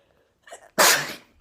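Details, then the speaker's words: Person sneezing repeatedly, nose irritated, wearing a fake nose piercing: a quick catch of breath, then one loud explosive sneeze fading over about half a second; sneeze. "I look disgusting but you know I just wanted to get it on quick before I stop sneezing"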